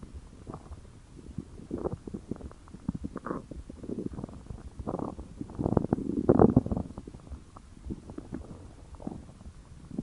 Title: Stomach Growling